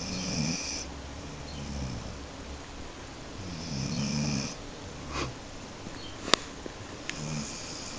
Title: Mico sleeping and snoring :D